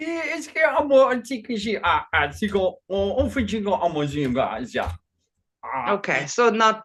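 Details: Man with Functional Neurological Disorder and foreign accent syndrome since 2019, alongside non-epileptic seizures, accent changing day to day, no control over output; today a Chinese-sounding accent during a bout of gibberish; functional foreign accent syndrome with gibberish speech.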